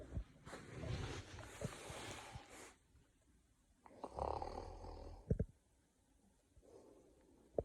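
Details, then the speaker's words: Man snoring in his sleep, woken by his wife complaining she can't sleep: rough snorting breaths with a rattling noise, then quieter breathing and a few sharp clicks. "when the wife wakes you up for snoring oh good what's going on what'd you wipe me out for you keep snoring I can't sleep I'm so tired I want to go to sleep quit snoring ah I I won't snore"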